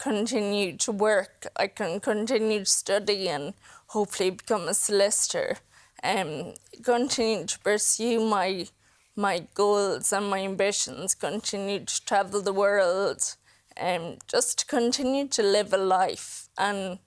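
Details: Woman in her mid-to-late 20s with Friedreich's ataxia, a progressive inherited neurological condition; she reports her speech and her swallowing keep getting worse; ataxic dysarthria.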